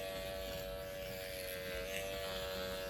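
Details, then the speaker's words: Microneedling training demonstration on the bony forehead: pen with 0.25 mm needles, kept moving up-down and across, steady continuous electric buzz with faint room noise; microneedling pen operating. "so we're moving in an up and down motion like this and moving across moving along as we go we're not holding the pen still at any point"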